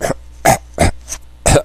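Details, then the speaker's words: Deliberately faked cough in church, with phony phlegm, to disguise bursting out laughing: five short throaty bursts covering laughter. "so I all of a sudden started trying to make a bunch of phony phlegm and I started go I was like"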